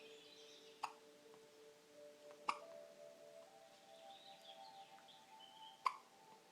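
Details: Baby with little hiccups: three brief, sharp hiccup-like clicks about two to three seconds apart over faint tonal background music.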